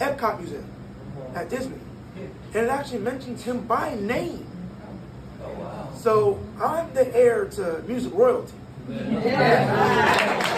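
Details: 22-year-old man born prematurely at about one pound, vocal cords still developing as he grew and still not closing all the way; breathy voice from incomplete vocal fold closure.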